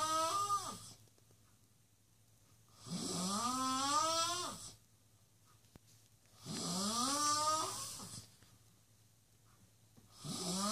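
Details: Guest snoring: loud, rattling snores on each breath in, about 17 a minute, with quiet pauses between; snoring.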